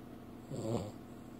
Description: My dog catches me video recording her snoring lol.